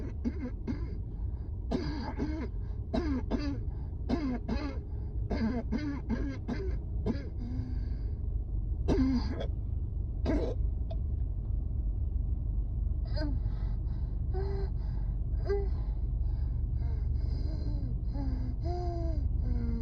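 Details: Repeated harsh coughs and throat clearing in clusters over steady outdoor noise, a coughing fit on a rooftop during a severe asthma flare-up at work.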